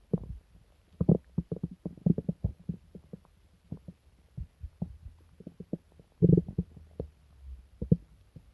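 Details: Loud stomach rumbling (borborygmi) during an upset stomach with several days of pain, diarrhea and nausea: irregular deep gurgles, growls and rumbling bursts separated by short quiet gaps.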